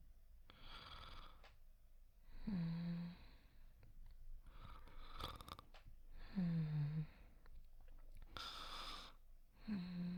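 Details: Soft snoring performed by a voice actor in an immersive sleep roleplay: simulated snoring, not a real sleeper.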